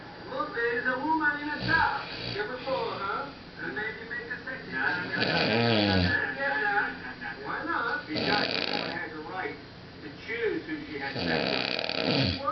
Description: THIS IS A VID OF MY BOY PASSED OUT SNORING, AFTER A NIGHT OF HEAVY DRINKING.